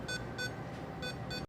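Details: Short repeated electronic ECG monitor beeps, one per detected heartbeat, over steady room noise, from clip-on EKG leads on a pet during a veterinary heart-murmur and heart-disease workup demonstration.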